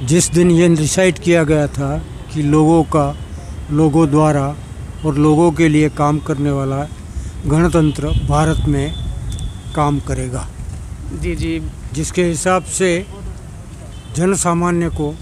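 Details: Older adult man; typical speech.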